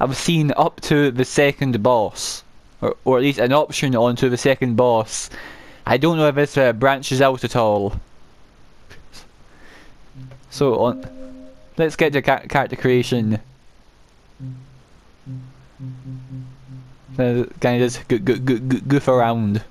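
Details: Adult male gameplay narrator who says he has a stammer he cannot control, particularly on words starting with m and w; repeated words audible; stuttering.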